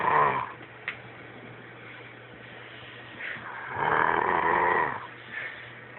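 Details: A person snoring.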